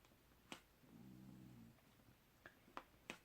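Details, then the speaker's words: Snoring from a sleeping dog with a slightly shorter muzzle, which the vet said is not dangerous, only to watch her breathing: a single soft, low, buzzing snore with a few sharp clicks; mild snoring. "she snores really quietly does she this he's slightly shorter muzzle and that will cause snoring and a puppy"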